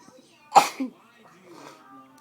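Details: Adult woman (a wife) sneezing, said to sneeze repeatedly once she starts: a single sharp sneeze with a brief voiced tail, then quiet room sound.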